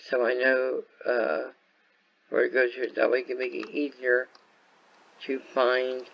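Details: Speech impairment in an adult man caused by viral meningitis with a very high fever at about six weeks old, which also affected his walking, eyesight and hearing.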